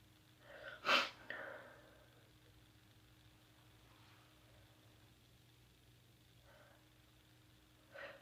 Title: 6am tickle and sneeze